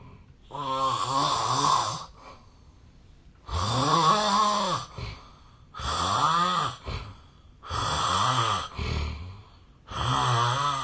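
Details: Real self-recorded sleep audio from 8 years earlier, when the snorer was thinner; the snorer suspects a long-standing sleep disorder. Loud, rough snores on in-breaths every two to three seconds with quiet gaps; very heavy snoring.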